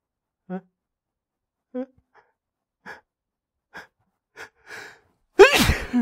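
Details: Allergy sneezing, frequent over the past week or so: several short, catching, hitching inhalations build up, then one forceful sneeze; allergy sneeze.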